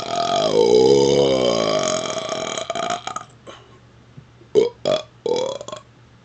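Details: Deliberate talking while burping, reciting movie quotes: a long, drawn-out voiced belch followed by several shorter speech-shaped burped bursts.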